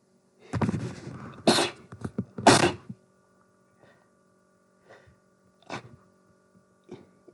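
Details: Two loud, sharp explosive sneezes followed by softer sniffs and short expulsive sounds in a quiet room, person possibly getting sick; repeated sneezing.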